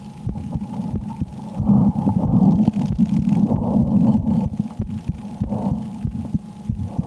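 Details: Adult woman's own heartbeat heard through a stethoscope while she plays the Slender horror game, changing with her fear: repeated dull heart thumps partly masked by a steady low hum; heartbeat.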